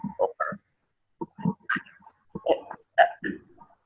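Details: Adductor spasmodic dysphonia in a woman, with adductor spasms interrupting voicing, especially on vowels, making the voice very tight and strained.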